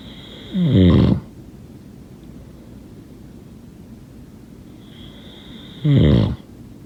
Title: #snoring #snoringsleepingsoundeffect #snoringsounds #sleepsounds #snoringasmr